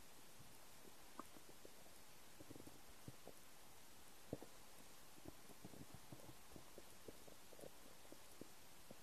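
Soft low gurgles and scattered brief pops over quiet background; stomach rumbling from an empty stomach.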